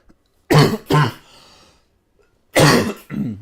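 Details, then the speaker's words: An adult who says they have almost got over a cough of about two weeks gives four short, harsh coughs in two pairs, with a brief pause between the pairs. "I've kind of got rid of the cough I know that sounds like I'm taking the piss when I've just said that there uh as I've just cough there but I've kind of almost got over it now"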